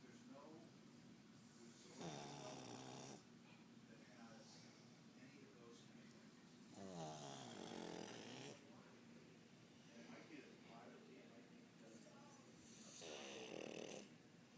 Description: Pug snoring